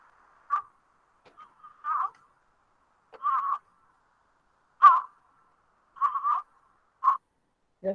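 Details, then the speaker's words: Newborn in respiratory distress, shown in a neonatology nursing class alongside chest retractions and xiphoid retraction: short, soft, irregularly spaced expiratory grunts repeating with breathing. "Pudieron observar el tiraje, pudieron observar la retracción sifoidea, el quejido. ¿Escucharon el quejido de ese bebé?"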